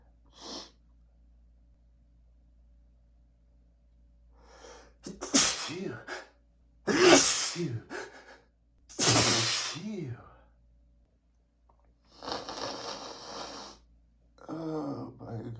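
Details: Adult male with bad allergies, dizzy, medication taken that morning not working: several forceful sneezes in quick succession with sharp breaths and snorts between, barely catching breath; an allergic sneezing fit.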